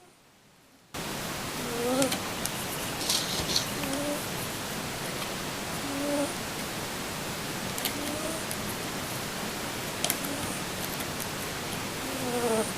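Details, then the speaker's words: Recurring wheeze in Newt, a cat with a liver shunt: faint whistling squeaks about every two seconds over loud hiss, an odd wheezing sound other liver shunt cat owners report. "this is an interesting thing that he does and I want to have this segment for our other owners he does that a lot when he's in an episode that wheezing sound"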